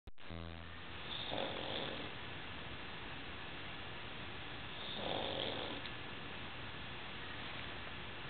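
Two soft, rough snoring breaths about four seconds apart over steady background hiss; a small dog snoring in sleep.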